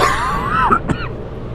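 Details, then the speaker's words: Adult man, hockey commentator with a lingering cough that is not getting better, gives a single short, throaty cough close to a throat-clear over steady room noise. "God it sounds like I smoke a pack a day this cough is not getting any better"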